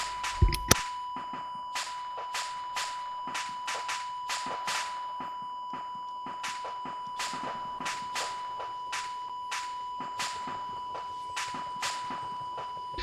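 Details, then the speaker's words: Continuous high-pitched monitor tone with rapid clicking over it, during simulated CPR training in a game; the monitor beeps loudly so returning heart rate is heard: heart monitor tone during CPR training. "So it can be annoying because it's a loud beep, but it's handy because when you perform CPR, if his heart rate starts again, you're going to hear it."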